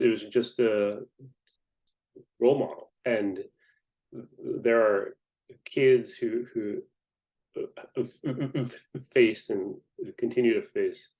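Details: Adult man who identifies himself as a person who stutters; stuttering.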